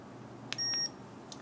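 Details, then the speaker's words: Medtronic MiniMed pump during infusion set change, plunger rewinding to the back: a short high electronic beep with faint button clicks as the insulin pump sounds. "this plunger is going to bewind so I'm going to hit it as you can see hope you can see it the little gray plunger is going back it's all the way in the back now and it's beeping"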